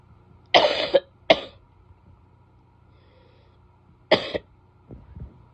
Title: coughing clips from when i was sick (f)